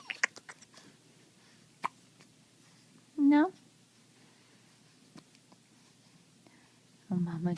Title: 4.5 weeks hiccups and sneeze